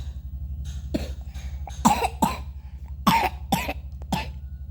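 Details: Young child's cough, worrying the mother, though the child was active and playing again by midday: repeated short, sharp coughing bursts over a few seconds with a steady low hum behind.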